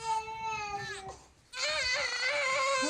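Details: A newborn cries in two bursts with a brief pause between them: strong, clear, high-pitched wails in a small room, a typical healthy infant cry.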